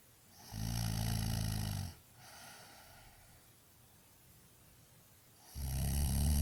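Two loud, low, rattling snores on breathing in, separated by a quieter breath out; ordinary heavy snoring.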